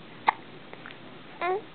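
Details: Baby hiccuping while awake and being talked to by parents: a sudden sharp hiccup, then a brief voiced sound.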